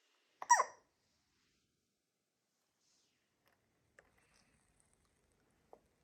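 A single sharp, brief hiccup-like sound from a baby, then near silence with faint small noises.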